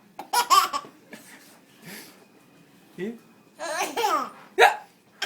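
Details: Short, abrupt hiccup sounds, some pretended by the parent, set off a baby's laughter and babbling; hiccups.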